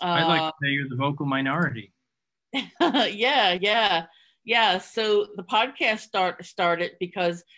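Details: Two adults talking; conversational speech.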